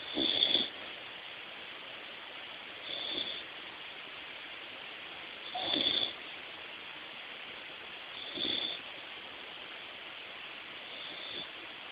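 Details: Soft, rhythmic snoring at about 22 breaths a minute from a sleeping American Eskimo Dog, over steady background hiss.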